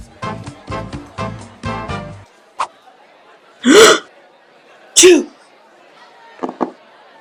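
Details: Remixed meme clip, not a natural recording: a short burst of music, then two loud sharp sneezes and a couple of small squeaky sounds; repeated sneezing.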